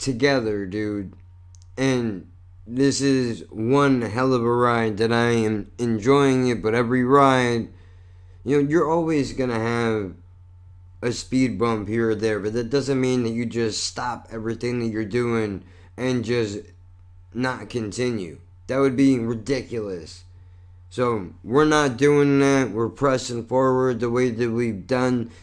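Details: Adult male with lifelong cerebral palsy, with constantly tight muscles, and multiple sclerosis, which he says affects his speech: dysarthria from cerebral palsy.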